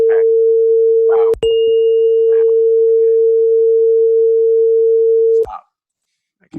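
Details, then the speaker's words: Loud tuning fork tone, steady pure midrange pitch held several seconds with brief voices at start and end, used in simulated audiology self-test of a patient with congenital hearing impairment, left-side hearing problems since childhood. "the next step is we check the tuning fork it's gotta be loud"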